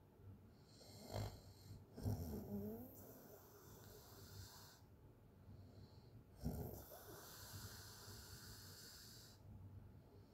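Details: Open-mouth snoring from a sleeping person: loud, irregular snores with rough, fluttering breaths in and out, about two or three breaths in ten seconds.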